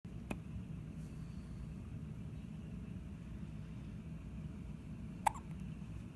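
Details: Hiccups: two brief, high squeaky catches about five seconds apart over steady low rumbling background noise.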